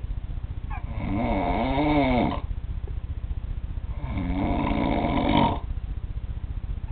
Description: room mate while in Japan and his beast-like snoring